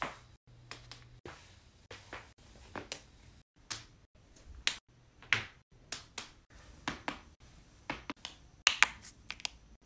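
Repeated sharp pops and clicks, about twenty in ten seconds, from joints cracking, a common harmless sound.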